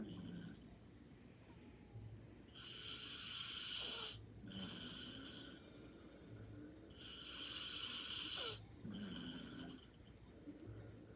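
Soft, airy hissing snores on slow breaths, with quiet low breathing between them and a faint room background.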